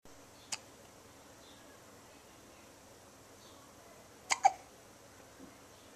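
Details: Two-week-old baby girl with three brief, sharp hiccup sounds over a few seconds against quiet room noise; ordinary newborn hiccups.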